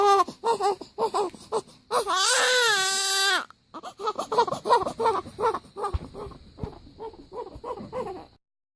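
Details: Rhythmic short cries then a long high wail and more bursts from a 15-day-old newborn baby waking up; ordinary newborn cry.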